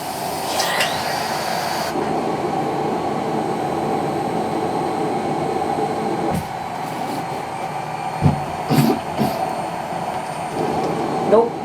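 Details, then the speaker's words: Quadriplegic smoker using a cough assist machine, pulling on armrest to help: steady machine blowing roar with brief airflow switches and faint breathy efforts; assisted cough brings nothing up. "i'm gonna go one more cycle and then i'll try it for you it's probably not working because i know i'm on camera"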